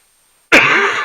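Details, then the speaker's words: Single short, harsh cough from an adult after a moment of silence; the cougher is sore after a festival weekend and suspects pollution from walking beside busy highways. "But as you can hear, I'm coughing. I don't think it was just the weekend."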